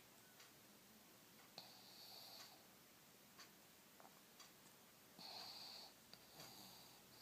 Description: My pug monster having a lazy Sunday, snoring even though he's wide awake.